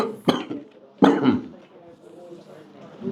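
Two abrupt coughs about a second apart, then quieter throat clearing in a small room.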